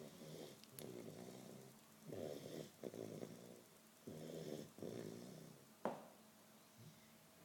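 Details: Repeated low rattling snores with brief pauses and a soft snort from a male who fell asleep after a hyperactive afternoon.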